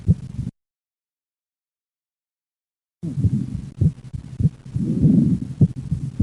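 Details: Left bundle branch block, heart rate near 100/min: low heart thumps with paradoxical splitting of S2, split S1–P2–A2 on expiration, closing to single S2 on inspiration.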